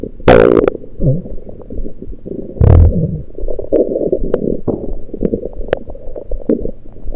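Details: Irregular bubbling gurgles with a few louder rumbling bursts over the stomach, recorded with a USB electronic stethoscope; only liquids taken at the time, cause unknown to the recorder: active bowel sounds.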